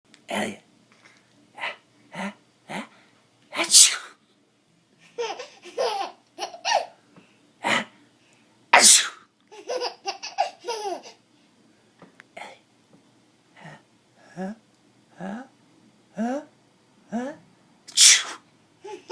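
Repeated sharp sneezes with bursts of laughter between them; ordinary sneezing.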